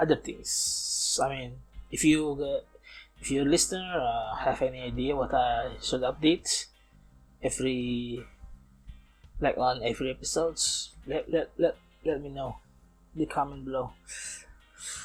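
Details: Man approaching 31, non-native English speaker, self-described as still stuttering (not clinically diagnosed), speaking English in a self-recorded podcast made partly to train his English; stuttering.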